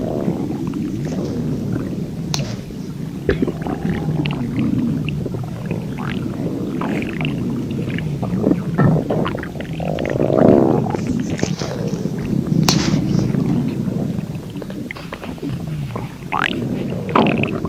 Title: Burger brawl human Irish stomach growl